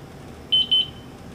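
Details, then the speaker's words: Zoll M series monitor zeroing its end-tidal CO2 capnography sensor adapter before use on an intubated patient: two short high-pitched electronic beeps signalling that zeroing is complete. "It'll take about 15 seconds and it'll say zeroing CO2 adapter on the screen. It'll blink on and off and then it'll say zero. Done."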